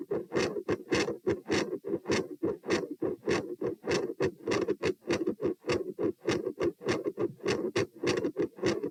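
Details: Heart sounds recorded at position P, standing then lying: fast, regular rasping beats about 102/min over a constant whooshing murmur that fills the gaps. An escalating, eventually continuous murmur that later abruptly changes volume and pattern.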